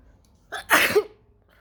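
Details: A single loud, wet sneeze with a short in-breath before the burst; sneezing.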